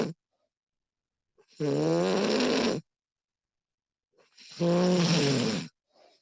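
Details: Woman recorded while asleep, extended one-hour recording: two loud, rattling snores about three seconds apart with silence between; snoring during sleep.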